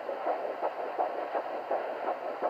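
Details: Fetal Doppler at 7 weeks 6 days of pregnancy, first heartbeat search: rhythmic whooshing pulse at about 84 a minute, the mother's own heartbeat in the 80s rather than the baby's in the 170s; maternal pulse.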